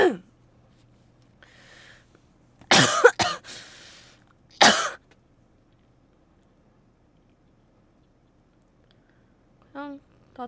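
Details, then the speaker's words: Two harsh, loud coughing bursts in a quiet room, brief voice after, from a streamer with a combined head and throat cold with runny nose, seen at hospital, not COVID: cough. "양 먹고 병원 갔다가 어 진짜 콧물이 개빡 이게 코 감기랑 목 감기랑 같이 걸려 가지고"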